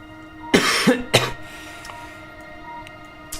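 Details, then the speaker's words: Two short, harsh coughs from an adult man who has a cold, is on cold medication and suspects coronavirus, with faint music in the background. "I sound like shit. I have a cough. I'm on cold meds"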